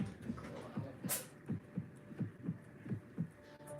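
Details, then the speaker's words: A normal pet heart heard through a vet's stethoscope during a general health check: steady paired lub-dub sounds at about 85 beats a minute, with no murmur. "through the stethoscope the beating of a normal heart makes a ldub sound like"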